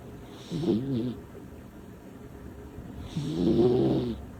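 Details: Small female cat snoring while asleep: two loud, rough, rattling breaths about three seconds apart.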